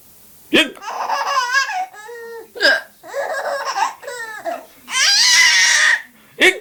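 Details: Baby laughing at her mother's hiccups: sharp hiccup bursts break up repeatedly, each followed by the infant's bubbly, delighted laughter.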